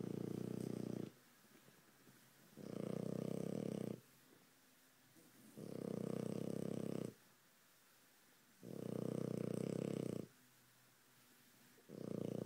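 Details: Loud snoring: rhythmic low rumbling snores, each about a second and a half, alternating with quiet pauses, roughly 16 breaths a minute.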